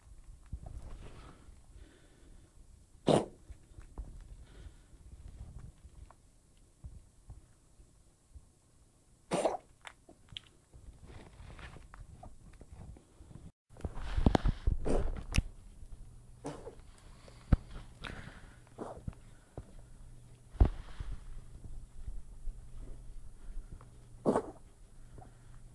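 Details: Bengal kitten with persistent cough despite long-acting antibiotic and anti-inflammatory injection, occasional rough breathing: several sharp, short coughs over about half a minute with quiet room noise between.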